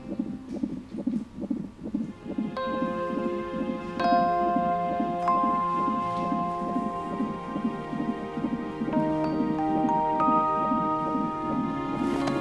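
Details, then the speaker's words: Rapid, regular whooshing fetal heartbeat, about 136 a minute, heard at a prenatal appointment over chiming background music; TV drama scene. "bizim bebeğimizin kalp atışı mı bu"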